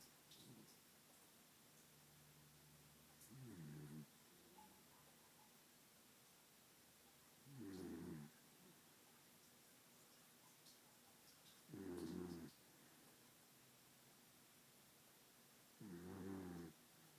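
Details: Regular rumbling snores on each breath, about 14 a minute, from a sleeping dachshund (wiener dog) in a quiet room; snoring.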